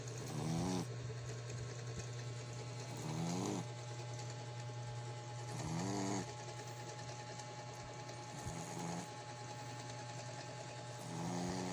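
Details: Black Shih Tzu x American Pekingese pet dog snoring: rhythmic snores, about 23 breaths a minute, with fluttery buzzing on each breath over a steady machine hum.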